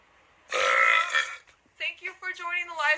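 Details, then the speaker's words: A woman producing a deliberate burp on request: one loud, drawn-out voiced belch lasting about a second, followed by brief speech. "Let's see what I got right now in the supply of burps. It's not going to be good. Wait. That was a weak one."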